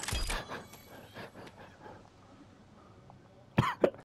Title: It made me cough